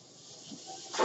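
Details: Soft steady airflow hiss swelling into a louder rush at the end from a man's own ventilator while he records a spoken podcast: mechanical ventilator breath cycle.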